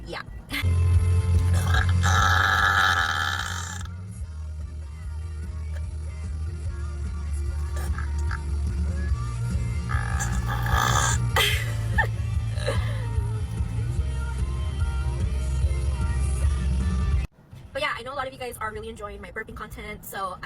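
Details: Woman's voluntary pre-gym burping before a leg-day session: long, loud, drawn-out repeated belches under background music.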